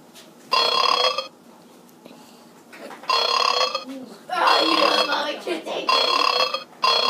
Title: I am burping!!!